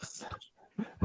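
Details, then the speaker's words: Person imitating a dog's reverse sneeze, as happens when a dog's throat is rubbed: short, rough, snorting pulls of air like a pig snorting; imitated reverse sneeze. "that's a reverse sneeze that's a reverse sneeze it sounds like a pig snorting yes uh it's a reverse sneeze"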